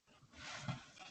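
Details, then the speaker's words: Dogs snoring in the background while people talk: a low, rough rumbling breath rising to a brief louder flutter, faint under room noise. "i'm sorry if anybody's listening to the podcast my dogs are snoring it sounds like the barracks right now oh just so you know that's what that noise is"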